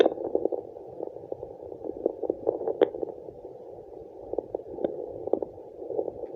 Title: Fetal Doppler placenta sound2